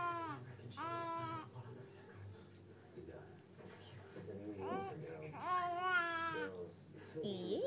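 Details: Infant girl playing with toys and sneezing during play: short fussy cries and babbling vocal sounds over light room noise; infant crying.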